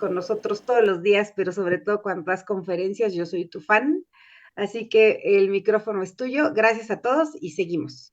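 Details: Adult woman speaking; Normal speech.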